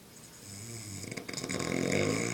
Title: The great snore-zilla